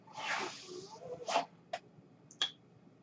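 Irregular hissing puffs of air separated by quiet gaps, no speech; mechanical ventilator noise.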